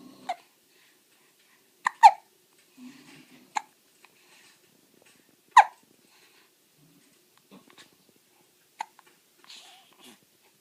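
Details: Baby with hiccups, fire in the background: short, sharp hiccups at irregular spacing, about 17 a minute, with soft baby noises and breaths between them.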